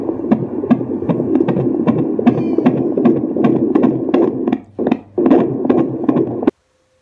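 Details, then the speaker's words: At 19–20 weeks of pregnancy, a Doppler check at a prenatal visit: fast, regular whooshing pulses, about 150 a minute, a strong fetal heartbeat. "there's just something really powerful about hearing a baby's heartbeat and I loved it so yeah and it's very strong that's good"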